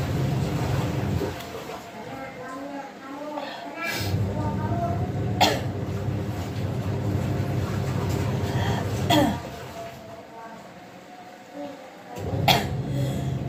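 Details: Child coughing during cold and flu season, with nausea, dizziness and vomiting mentioned: about four short, sharp cough bursts over steady low vehicle or room rumble, a recurring cough during a cold.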